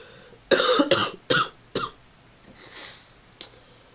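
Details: Four harsh, throaty coughs in a quick run, then a sniff, from a person who is sick with a sore throat and whole-body aches.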